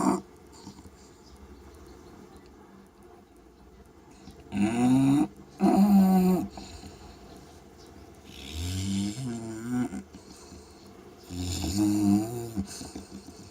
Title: Shiwa the snoring Bulldog